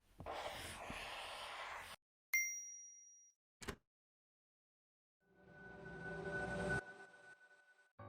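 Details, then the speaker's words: Simulation of hearing through a cochlear implant, from a metaverse hearing-impairment experience: muffled, humming, noisy sounds and a bell-like ding, not heard clearly and hard to understand. "이 소리는 바로 인공와우를 통해서 들리는 소리였는데요. 웅웅거리고 정확하게 들리지 않아 들으면서도 이해가 어려웠습니다."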